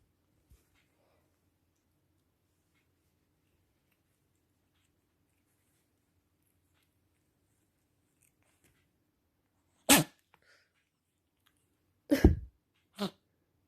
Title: Cat sneezing 貓咪打噴嚏珍貴畫面